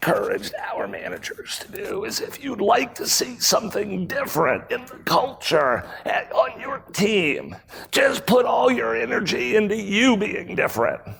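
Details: Real adult man with spasmodic dysphonia, a rare voice disorder acquired in 2010, recorded at a 2018 keynote; his throat muscles spasm and contract when he talks, sometimes making speaking difficult. Finding: spasmodic dysphonia.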